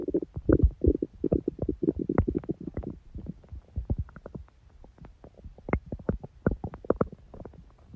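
Rapid, irregular gurgling and squelching bursts of stomach growling, loud at first and then quieter; ordinary borborygmi.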